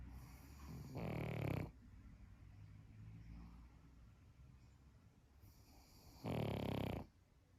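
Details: Sleeping pug: two loud, low, rattling snores about five seconds apart, with quieter breathing between them; snoring.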